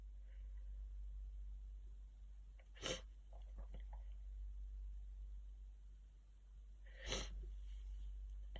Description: I couldn’t stop these big allergy sneezes coming. Achoo!